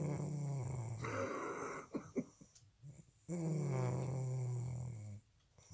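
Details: Sleeping dog snoring heavily: two long, loud, rumbling breath sounds with a pause between them.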